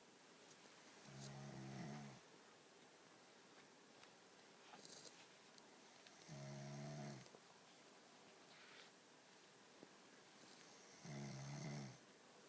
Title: snoring